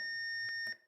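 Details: Steady high electronic tone with brief clicks from an AED during a CPR/AED training demonstration, sounding as a shock is delivered after shock advised; AED alert tone.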